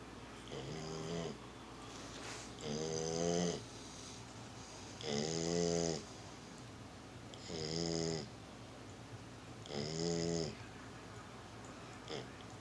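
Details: Female dog sleeping, snoring loudly: rhythmic rattling snores, about five breaths in twelve seconds, with quiet gaps between them.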